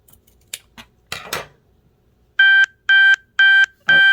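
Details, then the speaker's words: Snipping and handling noises, then four evenly spaced electronic beeps: the user's insulin pump alerting, which she attributes to blood sugar a little low despite having just eaten. "that's my pump it's probably griping at me because my blood sugar is a little lower than it would like to for it to be"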